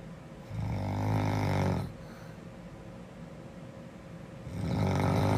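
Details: Snoring in a girl: loud, rough, rattling snores with about three-second pauses between breaths, roughly 15 breaths a minute.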